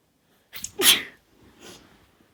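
A single forceful sneeze, a quick breath in then an explosive burst, followed by a softer trailing exhale.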